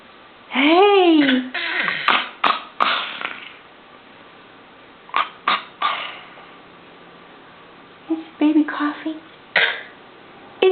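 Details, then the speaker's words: Baby deliberately fakes a cough: vocalizes, then about eight short forced cough bursts in a quiet room; a pretend cough, not an illness cough. "Does baby have a cough? Huh? Oh, that poor baby."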